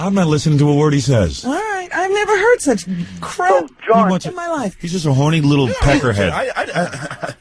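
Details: Adult male speaker, radio broadcast; ordinary speech.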